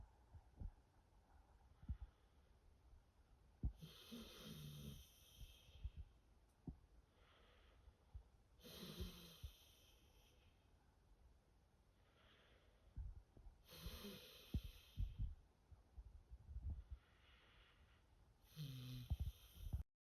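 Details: Sleeping dog snoring: soft snores with a hissy, whistling edge, about one breath every five seconds, with small clicks and rustles between.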